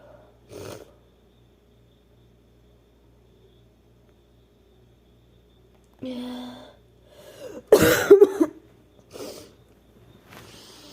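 A drawn-in, voiced breath followed by a sharp explosive burst, a typical sneeze, with a few smaller bursts around it in a quiet room.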